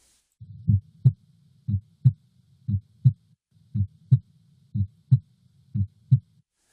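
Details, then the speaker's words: Normal heart sounds: a regular lub-dub at about 60 a minute, with S1 and S2 close together followed by a longer pause, for telling systole from diastole. "what you should hear is the ldb of S1 and S2 close together and then you should hear a long pause and then the Lu dub again"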